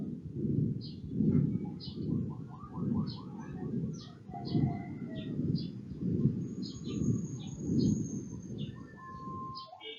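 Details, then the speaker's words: Machinery murmur at the left upper sternal border: continuous low rumbling that swells and fades with each beat, about 78 a minute, due to patent ductus arteriosus. "machinery type of murmur heard at the left upper sternal border is due to a patent ductus arthuriosis"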